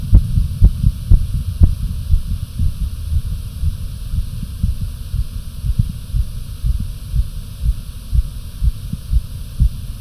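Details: Fast, pounding, visible heartbeat (tachycardia) at about 120 beats a minute: rapid, regular low thumping over a steady hum.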